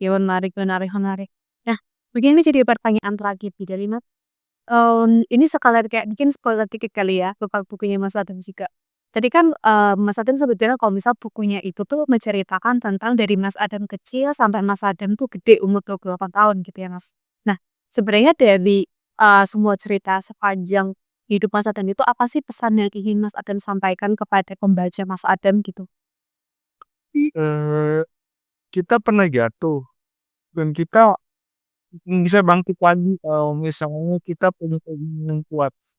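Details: Adult speaker with cerebral palsy, after a fluent interviewer; dysarthria (cerebral palsy).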